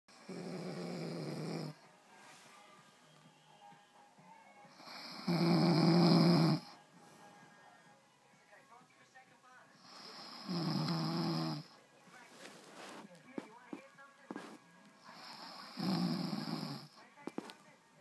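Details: Adult woman asleep after drinking amaretto: loud rattling snores on each in-breath, about 12 per minute, quiet out-breaths, faint background music; snoring.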